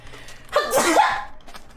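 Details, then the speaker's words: A young woman who says she is feeling under the weather sneezes while talking: a single sudden sneeze with a short voiced burst and a breathy release, against quiet room noise. "sorry guys I am feeling a little bit under the weather so I'm going to go ahead and sneeze again"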